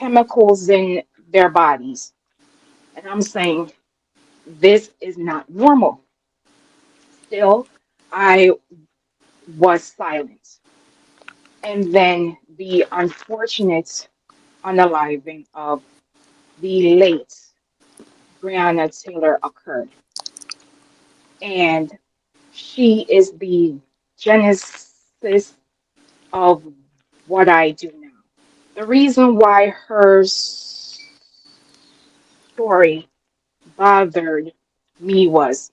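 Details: Adult woman, real, self-reported speech impediment that she calls her "disability"; disfluent speech.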